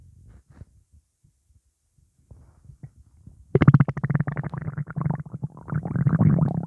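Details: Loud bubbling, rippling stomach rumbling after eating pizza: faint low gurgles, then a long rising-and-falling gurgle, active bowel sounds from gas; borborygmi.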